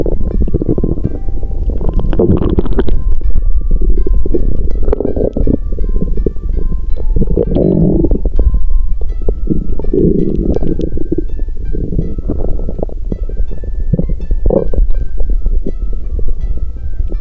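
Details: Low, continuous gurgling and rumbling bowel sounds from the abdomen while the person says they are not hungry, with soft background music over it.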